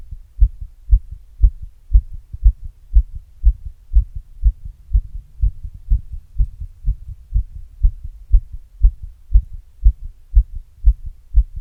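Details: Adult's own heart recorded after exercise with an earbud mic and a glass; normal heart sounds after exercise.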